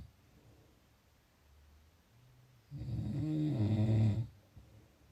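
A single loud, low, rumbling snore on an in-breath after quiet breathing; ordinary snoring.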